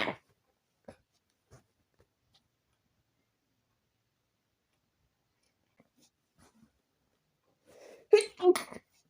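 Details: Late-night sneezing before bed with a very tickly, itchy nose: quiet room with a few faint sniffs, then two sharp sneezes close together near the end.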